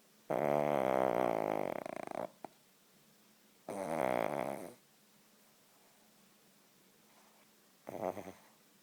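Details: King Charles spaniel snoring loudly while sleeping; snoring.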